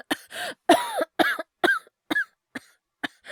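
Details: Acted, not real: a male voice actor performs repeated short coughs with voiced, throaty catches between them, about two a second, from a compilation of cough, wheeze and hyperventilation voice clips.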